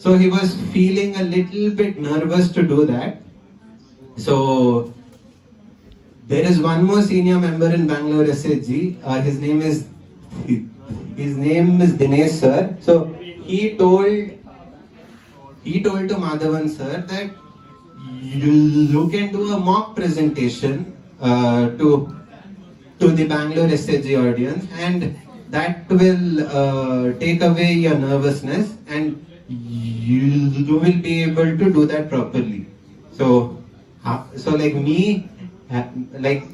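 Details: 20-year-old man who stammers, giving a conference talk; stuttering.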